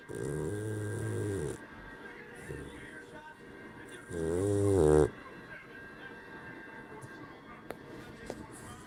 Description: Puppy snoring so loud I can't hear the TV!